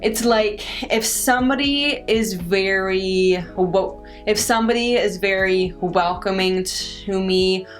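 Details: Adult woman who stutters; stuttering.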